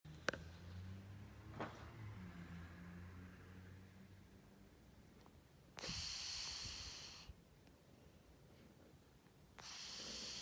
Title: Snoring cat 猫Nanaのいびき